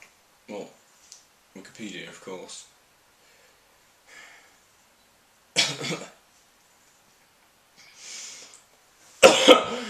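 Brief adult speech, then two forceful, harsh cough bursts near the end, performed by an actor in a comedy sketch; an acted cough.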